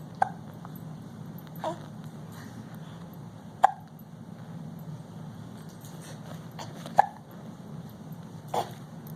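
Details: An almost 5-month-old baby hiccuping while sitting in a Bumbo seat: brief, sharp hiccups at irregular intervals, about five in nine seconds, over a steady room hum.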